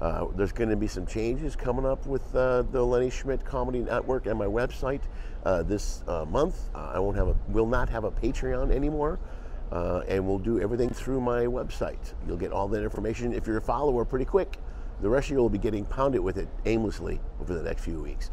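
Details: Adult male speaker; Typical speech.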